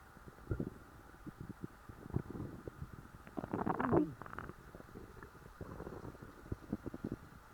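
Low gurgling, rumbling bursts from a full stomach: ordinary bowel sounds.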